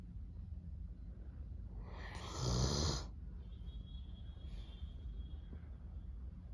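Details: Snoring from a Doberman dog.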